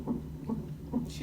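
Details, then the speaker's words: Fetal heartbeat of a baby girl on a hospital fetal heart monitor during the mother's monitoring, alongside contraction monitoring: rapid, regular whooshing pulses at 141 beats a minute while the baby kicks. "Okay. Alright. Baby is being morning though. You can hear the heartbeat."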